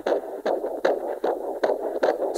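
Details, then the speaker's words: Handheld fetal Doppler at 24 weeks of pregnancy, returning to the fetus after the maternal pulse of about 77: rapid, regular galloping whooshes at about 150 a minute, a normal fetal heartbeat with good rhythm. "we can hear that gallop. So that's a really good rhythm."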